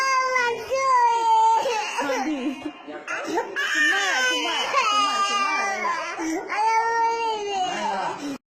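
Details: A young child cries in wailing, sobbing bursts with catching breaths between them after being told Kalabhavan Mani died; an emotional cry.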